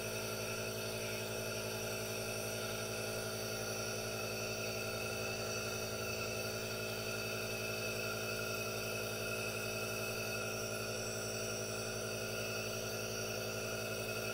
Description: ASMR NO TALKING | aerosol nebulizer calming white noise and hypnotizing vapors, with hand movements for your relaxation